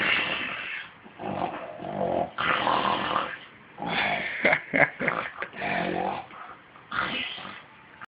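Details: Loud, rough, rattling snores with each breath in and out, some with snorting flutters, described as a grown man's snore "at 8"; heavy snoring.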